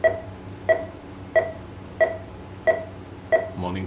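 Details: Anaesthesia monitor on a Shih Tzu dog during bladder stone removal surgery under gas anaesthesia with oxygen: steady electronic pulse beeps at about 91 a minute.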